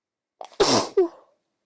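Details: Sleepy female with a cold gives a single sneeze: a quick breath in, a sharp explosive burst, then a short voiced tail.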